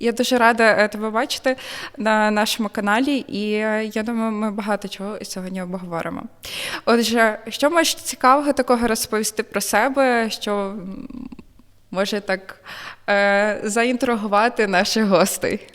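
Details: Adult woman speaking Ukrainian; fluent speech.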